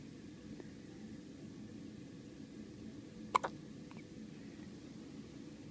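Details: Newborn on the first day of life; one sharp double hiccup sound in a faint, quiet room: newborn hiccups.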